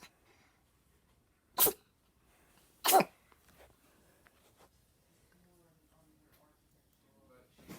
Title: Sneezing Cat